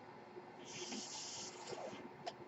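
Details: The podcaster's own mechanical ventilator, heard while he speaks: a soft, rushing hiss of delivered air rises and fades, then a brief puff, over quiet room noise as the ventilator cycles.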